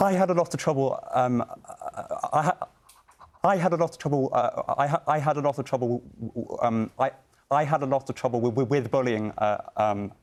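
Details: Young male youth panel member who has stammered since at least age eight; heard with repeated phrases and fillers; stammering (stuttering).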